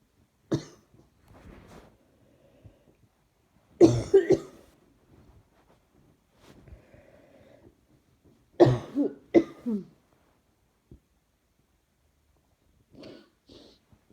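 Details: Adult with sore throat and chest pain, repeated harsh coughing: about three short clusters of coughs over fourteen seconds with quiet breaths between them.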